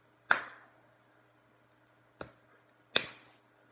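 Three abrupt, sharp, brief sounds in a quiet room, each sudden and clipped: hiccups.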